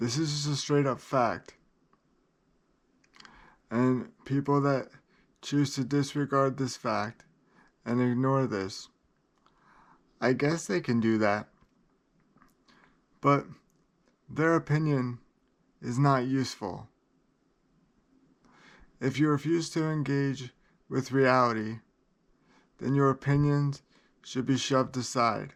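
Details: Adult man with cerebral palsy who describes great limitations and reports feeling unwell; dysarthria (cerebral palsy).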